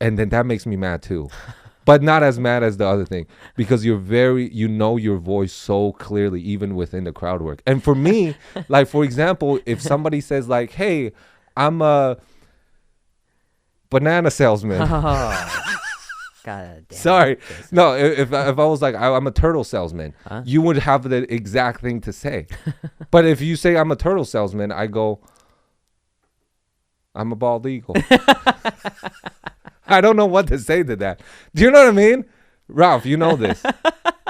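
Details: Adult male speaker; ordinary conversational speech.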